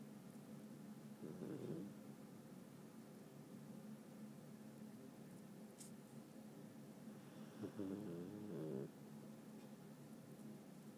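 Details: Pomeranian dog snoring while asleep: two soft, rattling, pitched breath noises over a low room hum, starting several seconds in.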